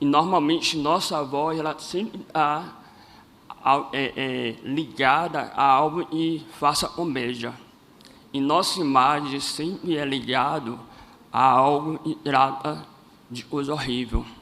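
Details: Adult man born with cleft lip and palate; first surgery at age 5, second at about 18, seven surgeries in all, speech therapy from age 7 to 17, and his voice never fully rehabilitated; cleft palate speech.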